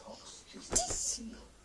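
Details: 15-month-old boy, messy after first time feeding himself, copying an adult's sneeze: a single sharp, hissing sneeze burst with a brief snort, in a quiet room; excited about a bath.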